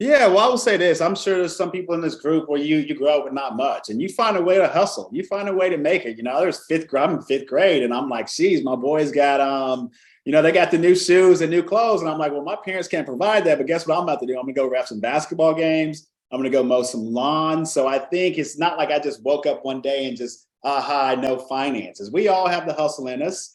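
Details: Adult man; normal speech.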